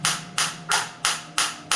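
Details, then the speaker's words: Biotronix focused (not radial) shockwave therapy device demonstrated on the operator's own hand, intensity being raised gradually from 5; sharp, regular snapping pulses about three a second, felt deep in tissue. "देखो बिल्कुल focus shock wave आ रही है 5 उसकी मेरे हाथ में, मेरे को फील हो रही है। और अब मैं धीरे धीरे इंटेंसिटी बढ़ाऊँगा, आप देख सकते हैं,"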